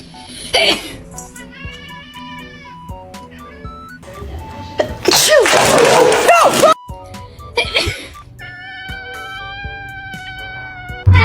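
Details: Loud human sneeze over background music, played to see a cat's reaction.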